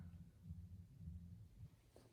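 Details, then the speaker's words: Nursing-exam auscultation with the stethoscope diaphragm at Erb's point, no pain, heaves or thrills reported: soft, muffled low regular thumps; S1 loudest at apex, S2 at base: normal heart sounds. "and then my troll so s1 was loudest at the apex and s2 was loudest at the face"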